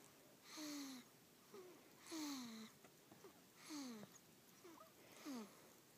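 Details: An almost 3-week-old sleeping infant snoring after a long day: soft, regular, squeaky whistling sounds with each breath at about 38 a minute, noisy nasal breathing or snoring.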